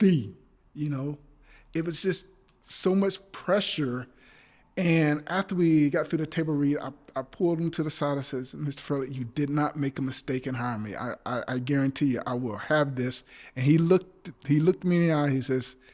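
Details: Adult male actor with a speech impediment (stammering), speaking in a podcast conversation, with part-word and whole-word repetitions audible: stuttering.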